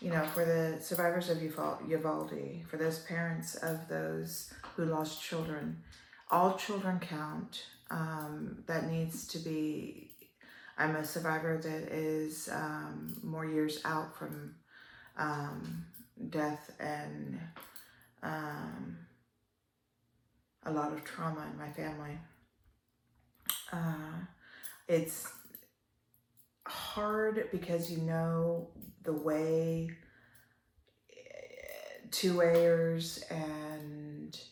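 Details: Adult woman with upper motor neuron onset ALS, almost 3 years in, a slow progressor with worsening spasticity; dysarthria in ALS (upper motor neuron onset).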